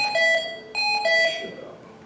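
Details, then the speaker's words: Hamilton ventilator alarm for oxygen supply failure during a basic ventilator class: loud two-tone electronic chimes repeating in a quiet room. "You can see the alarms that just popped up, the oxygen supply failure."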